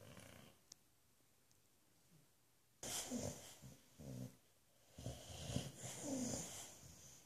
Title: Australia's Loudest Snoring Boxer!